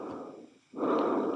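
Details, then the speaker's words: Simulated tracheal breath sound in a veterinary auscultation demonstration, stethoscope chestpiece on a mouse to mimic listening over the trachea near the glottis. "y vamos a agarrar el fonendoscopio lo vamos a poner en la punta del mouse y vamos a simular que estamos escuchando la tráquea"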